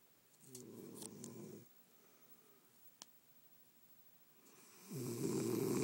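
Two rough, fluttering snores separated by a quiet pause, in a quiet room: snoring during sleep.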